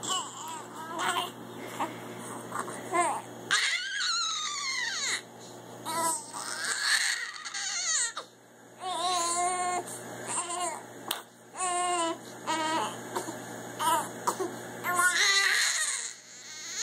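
An infant cries in repeated wailing bursts with short breaths between them, mixed with whimpers and babbling in a small room.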